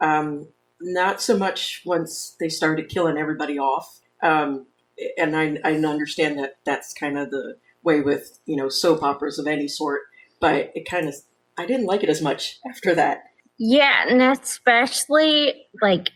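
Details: Adult speakers in conversation; normal speech.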